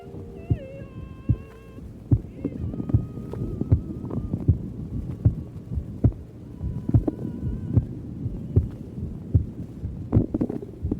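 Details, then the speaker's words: Recording at the cardiac apex of a hungry patient late in the afternoon: steady normal heartbeat about 76 a minute with gurgling bowel sounds, music in background. "The first tracing is taken from the apex of the heart. Since it's it is late in the afternoon and this patient is hungry, you can also hear the bowel sounds in this tracing."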